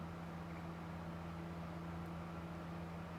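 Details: Endoscopic ear microsuction, part of ear wax removal, gripping and pulling skin/debris: steady low droning hum of the suction machine; ear microsuction.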